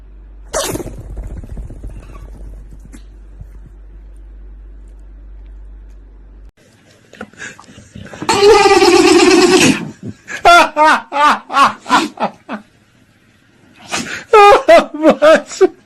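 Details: Dog sneezing repeatedly: a sharp sneeze burst and a longer snorting blast, then quick runs of short, rhythmic, squeaky puffs; sneezing.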